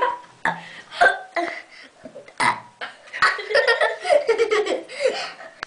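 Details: Burp contest between a mother and her daughter: several loud, drawn-out voluntary belches from more than one person, mixed with laughter and chatter; burping.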